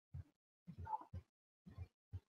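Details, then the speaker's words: Fourth heart sound (S4), heard just before the first heart sound. It arises from atrial contraction filling a stiff ventricle, as in advanced heart failure or aortic stenosis. "el cuarto ruido es casi casi uno más de empezar el primer ruido cardiaco"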